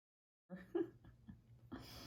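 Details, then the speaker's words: A few short, quiet snorting sneezes from one of three household dogs that all suddenly began sneezing; owner thought one may have inhaled pool water, not kennel cough; dog sneezing. "my little man oh and I don't know what's going on but all of a sudden all three dogs start sneezing"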